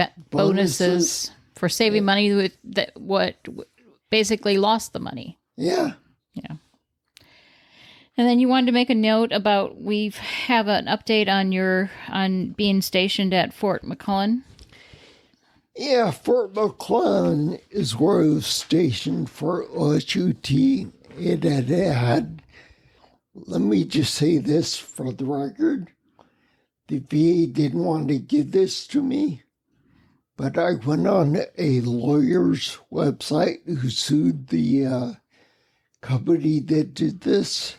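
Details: Adult man with spinocerebellar ataxia, a rare neuromuscular disease, with mobility challenges and speech impediment for over 20 years; ataxic dysarthria.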